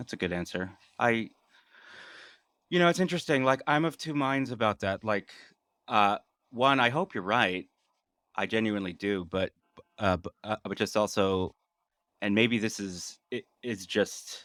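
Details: An adult male who has stuttered all his life; stuttering.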